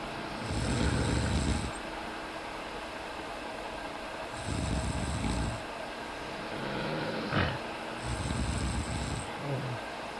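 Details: Sleeping female cat: three rough, low rumbling breaths about 16 a minute, each with a faint high whistle, over steady room hum: snoring.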